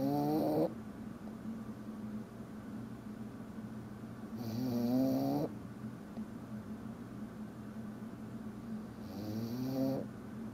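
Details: A tired pet dog snoring while asleep: soft tonal snores on each breath, about every four to five seconds, with quiet breathing between.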